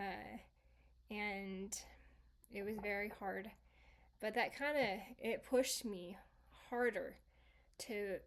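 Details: Woman, stroke survivor 26 years after the stroke, with residual aphasia from an originally global aphasia, variable by her own account; residual aphasia.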